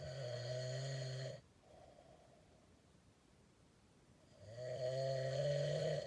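Two long, loud, buzzing inhaled snores separated by a quiet breath out; heavy snoring in an adult.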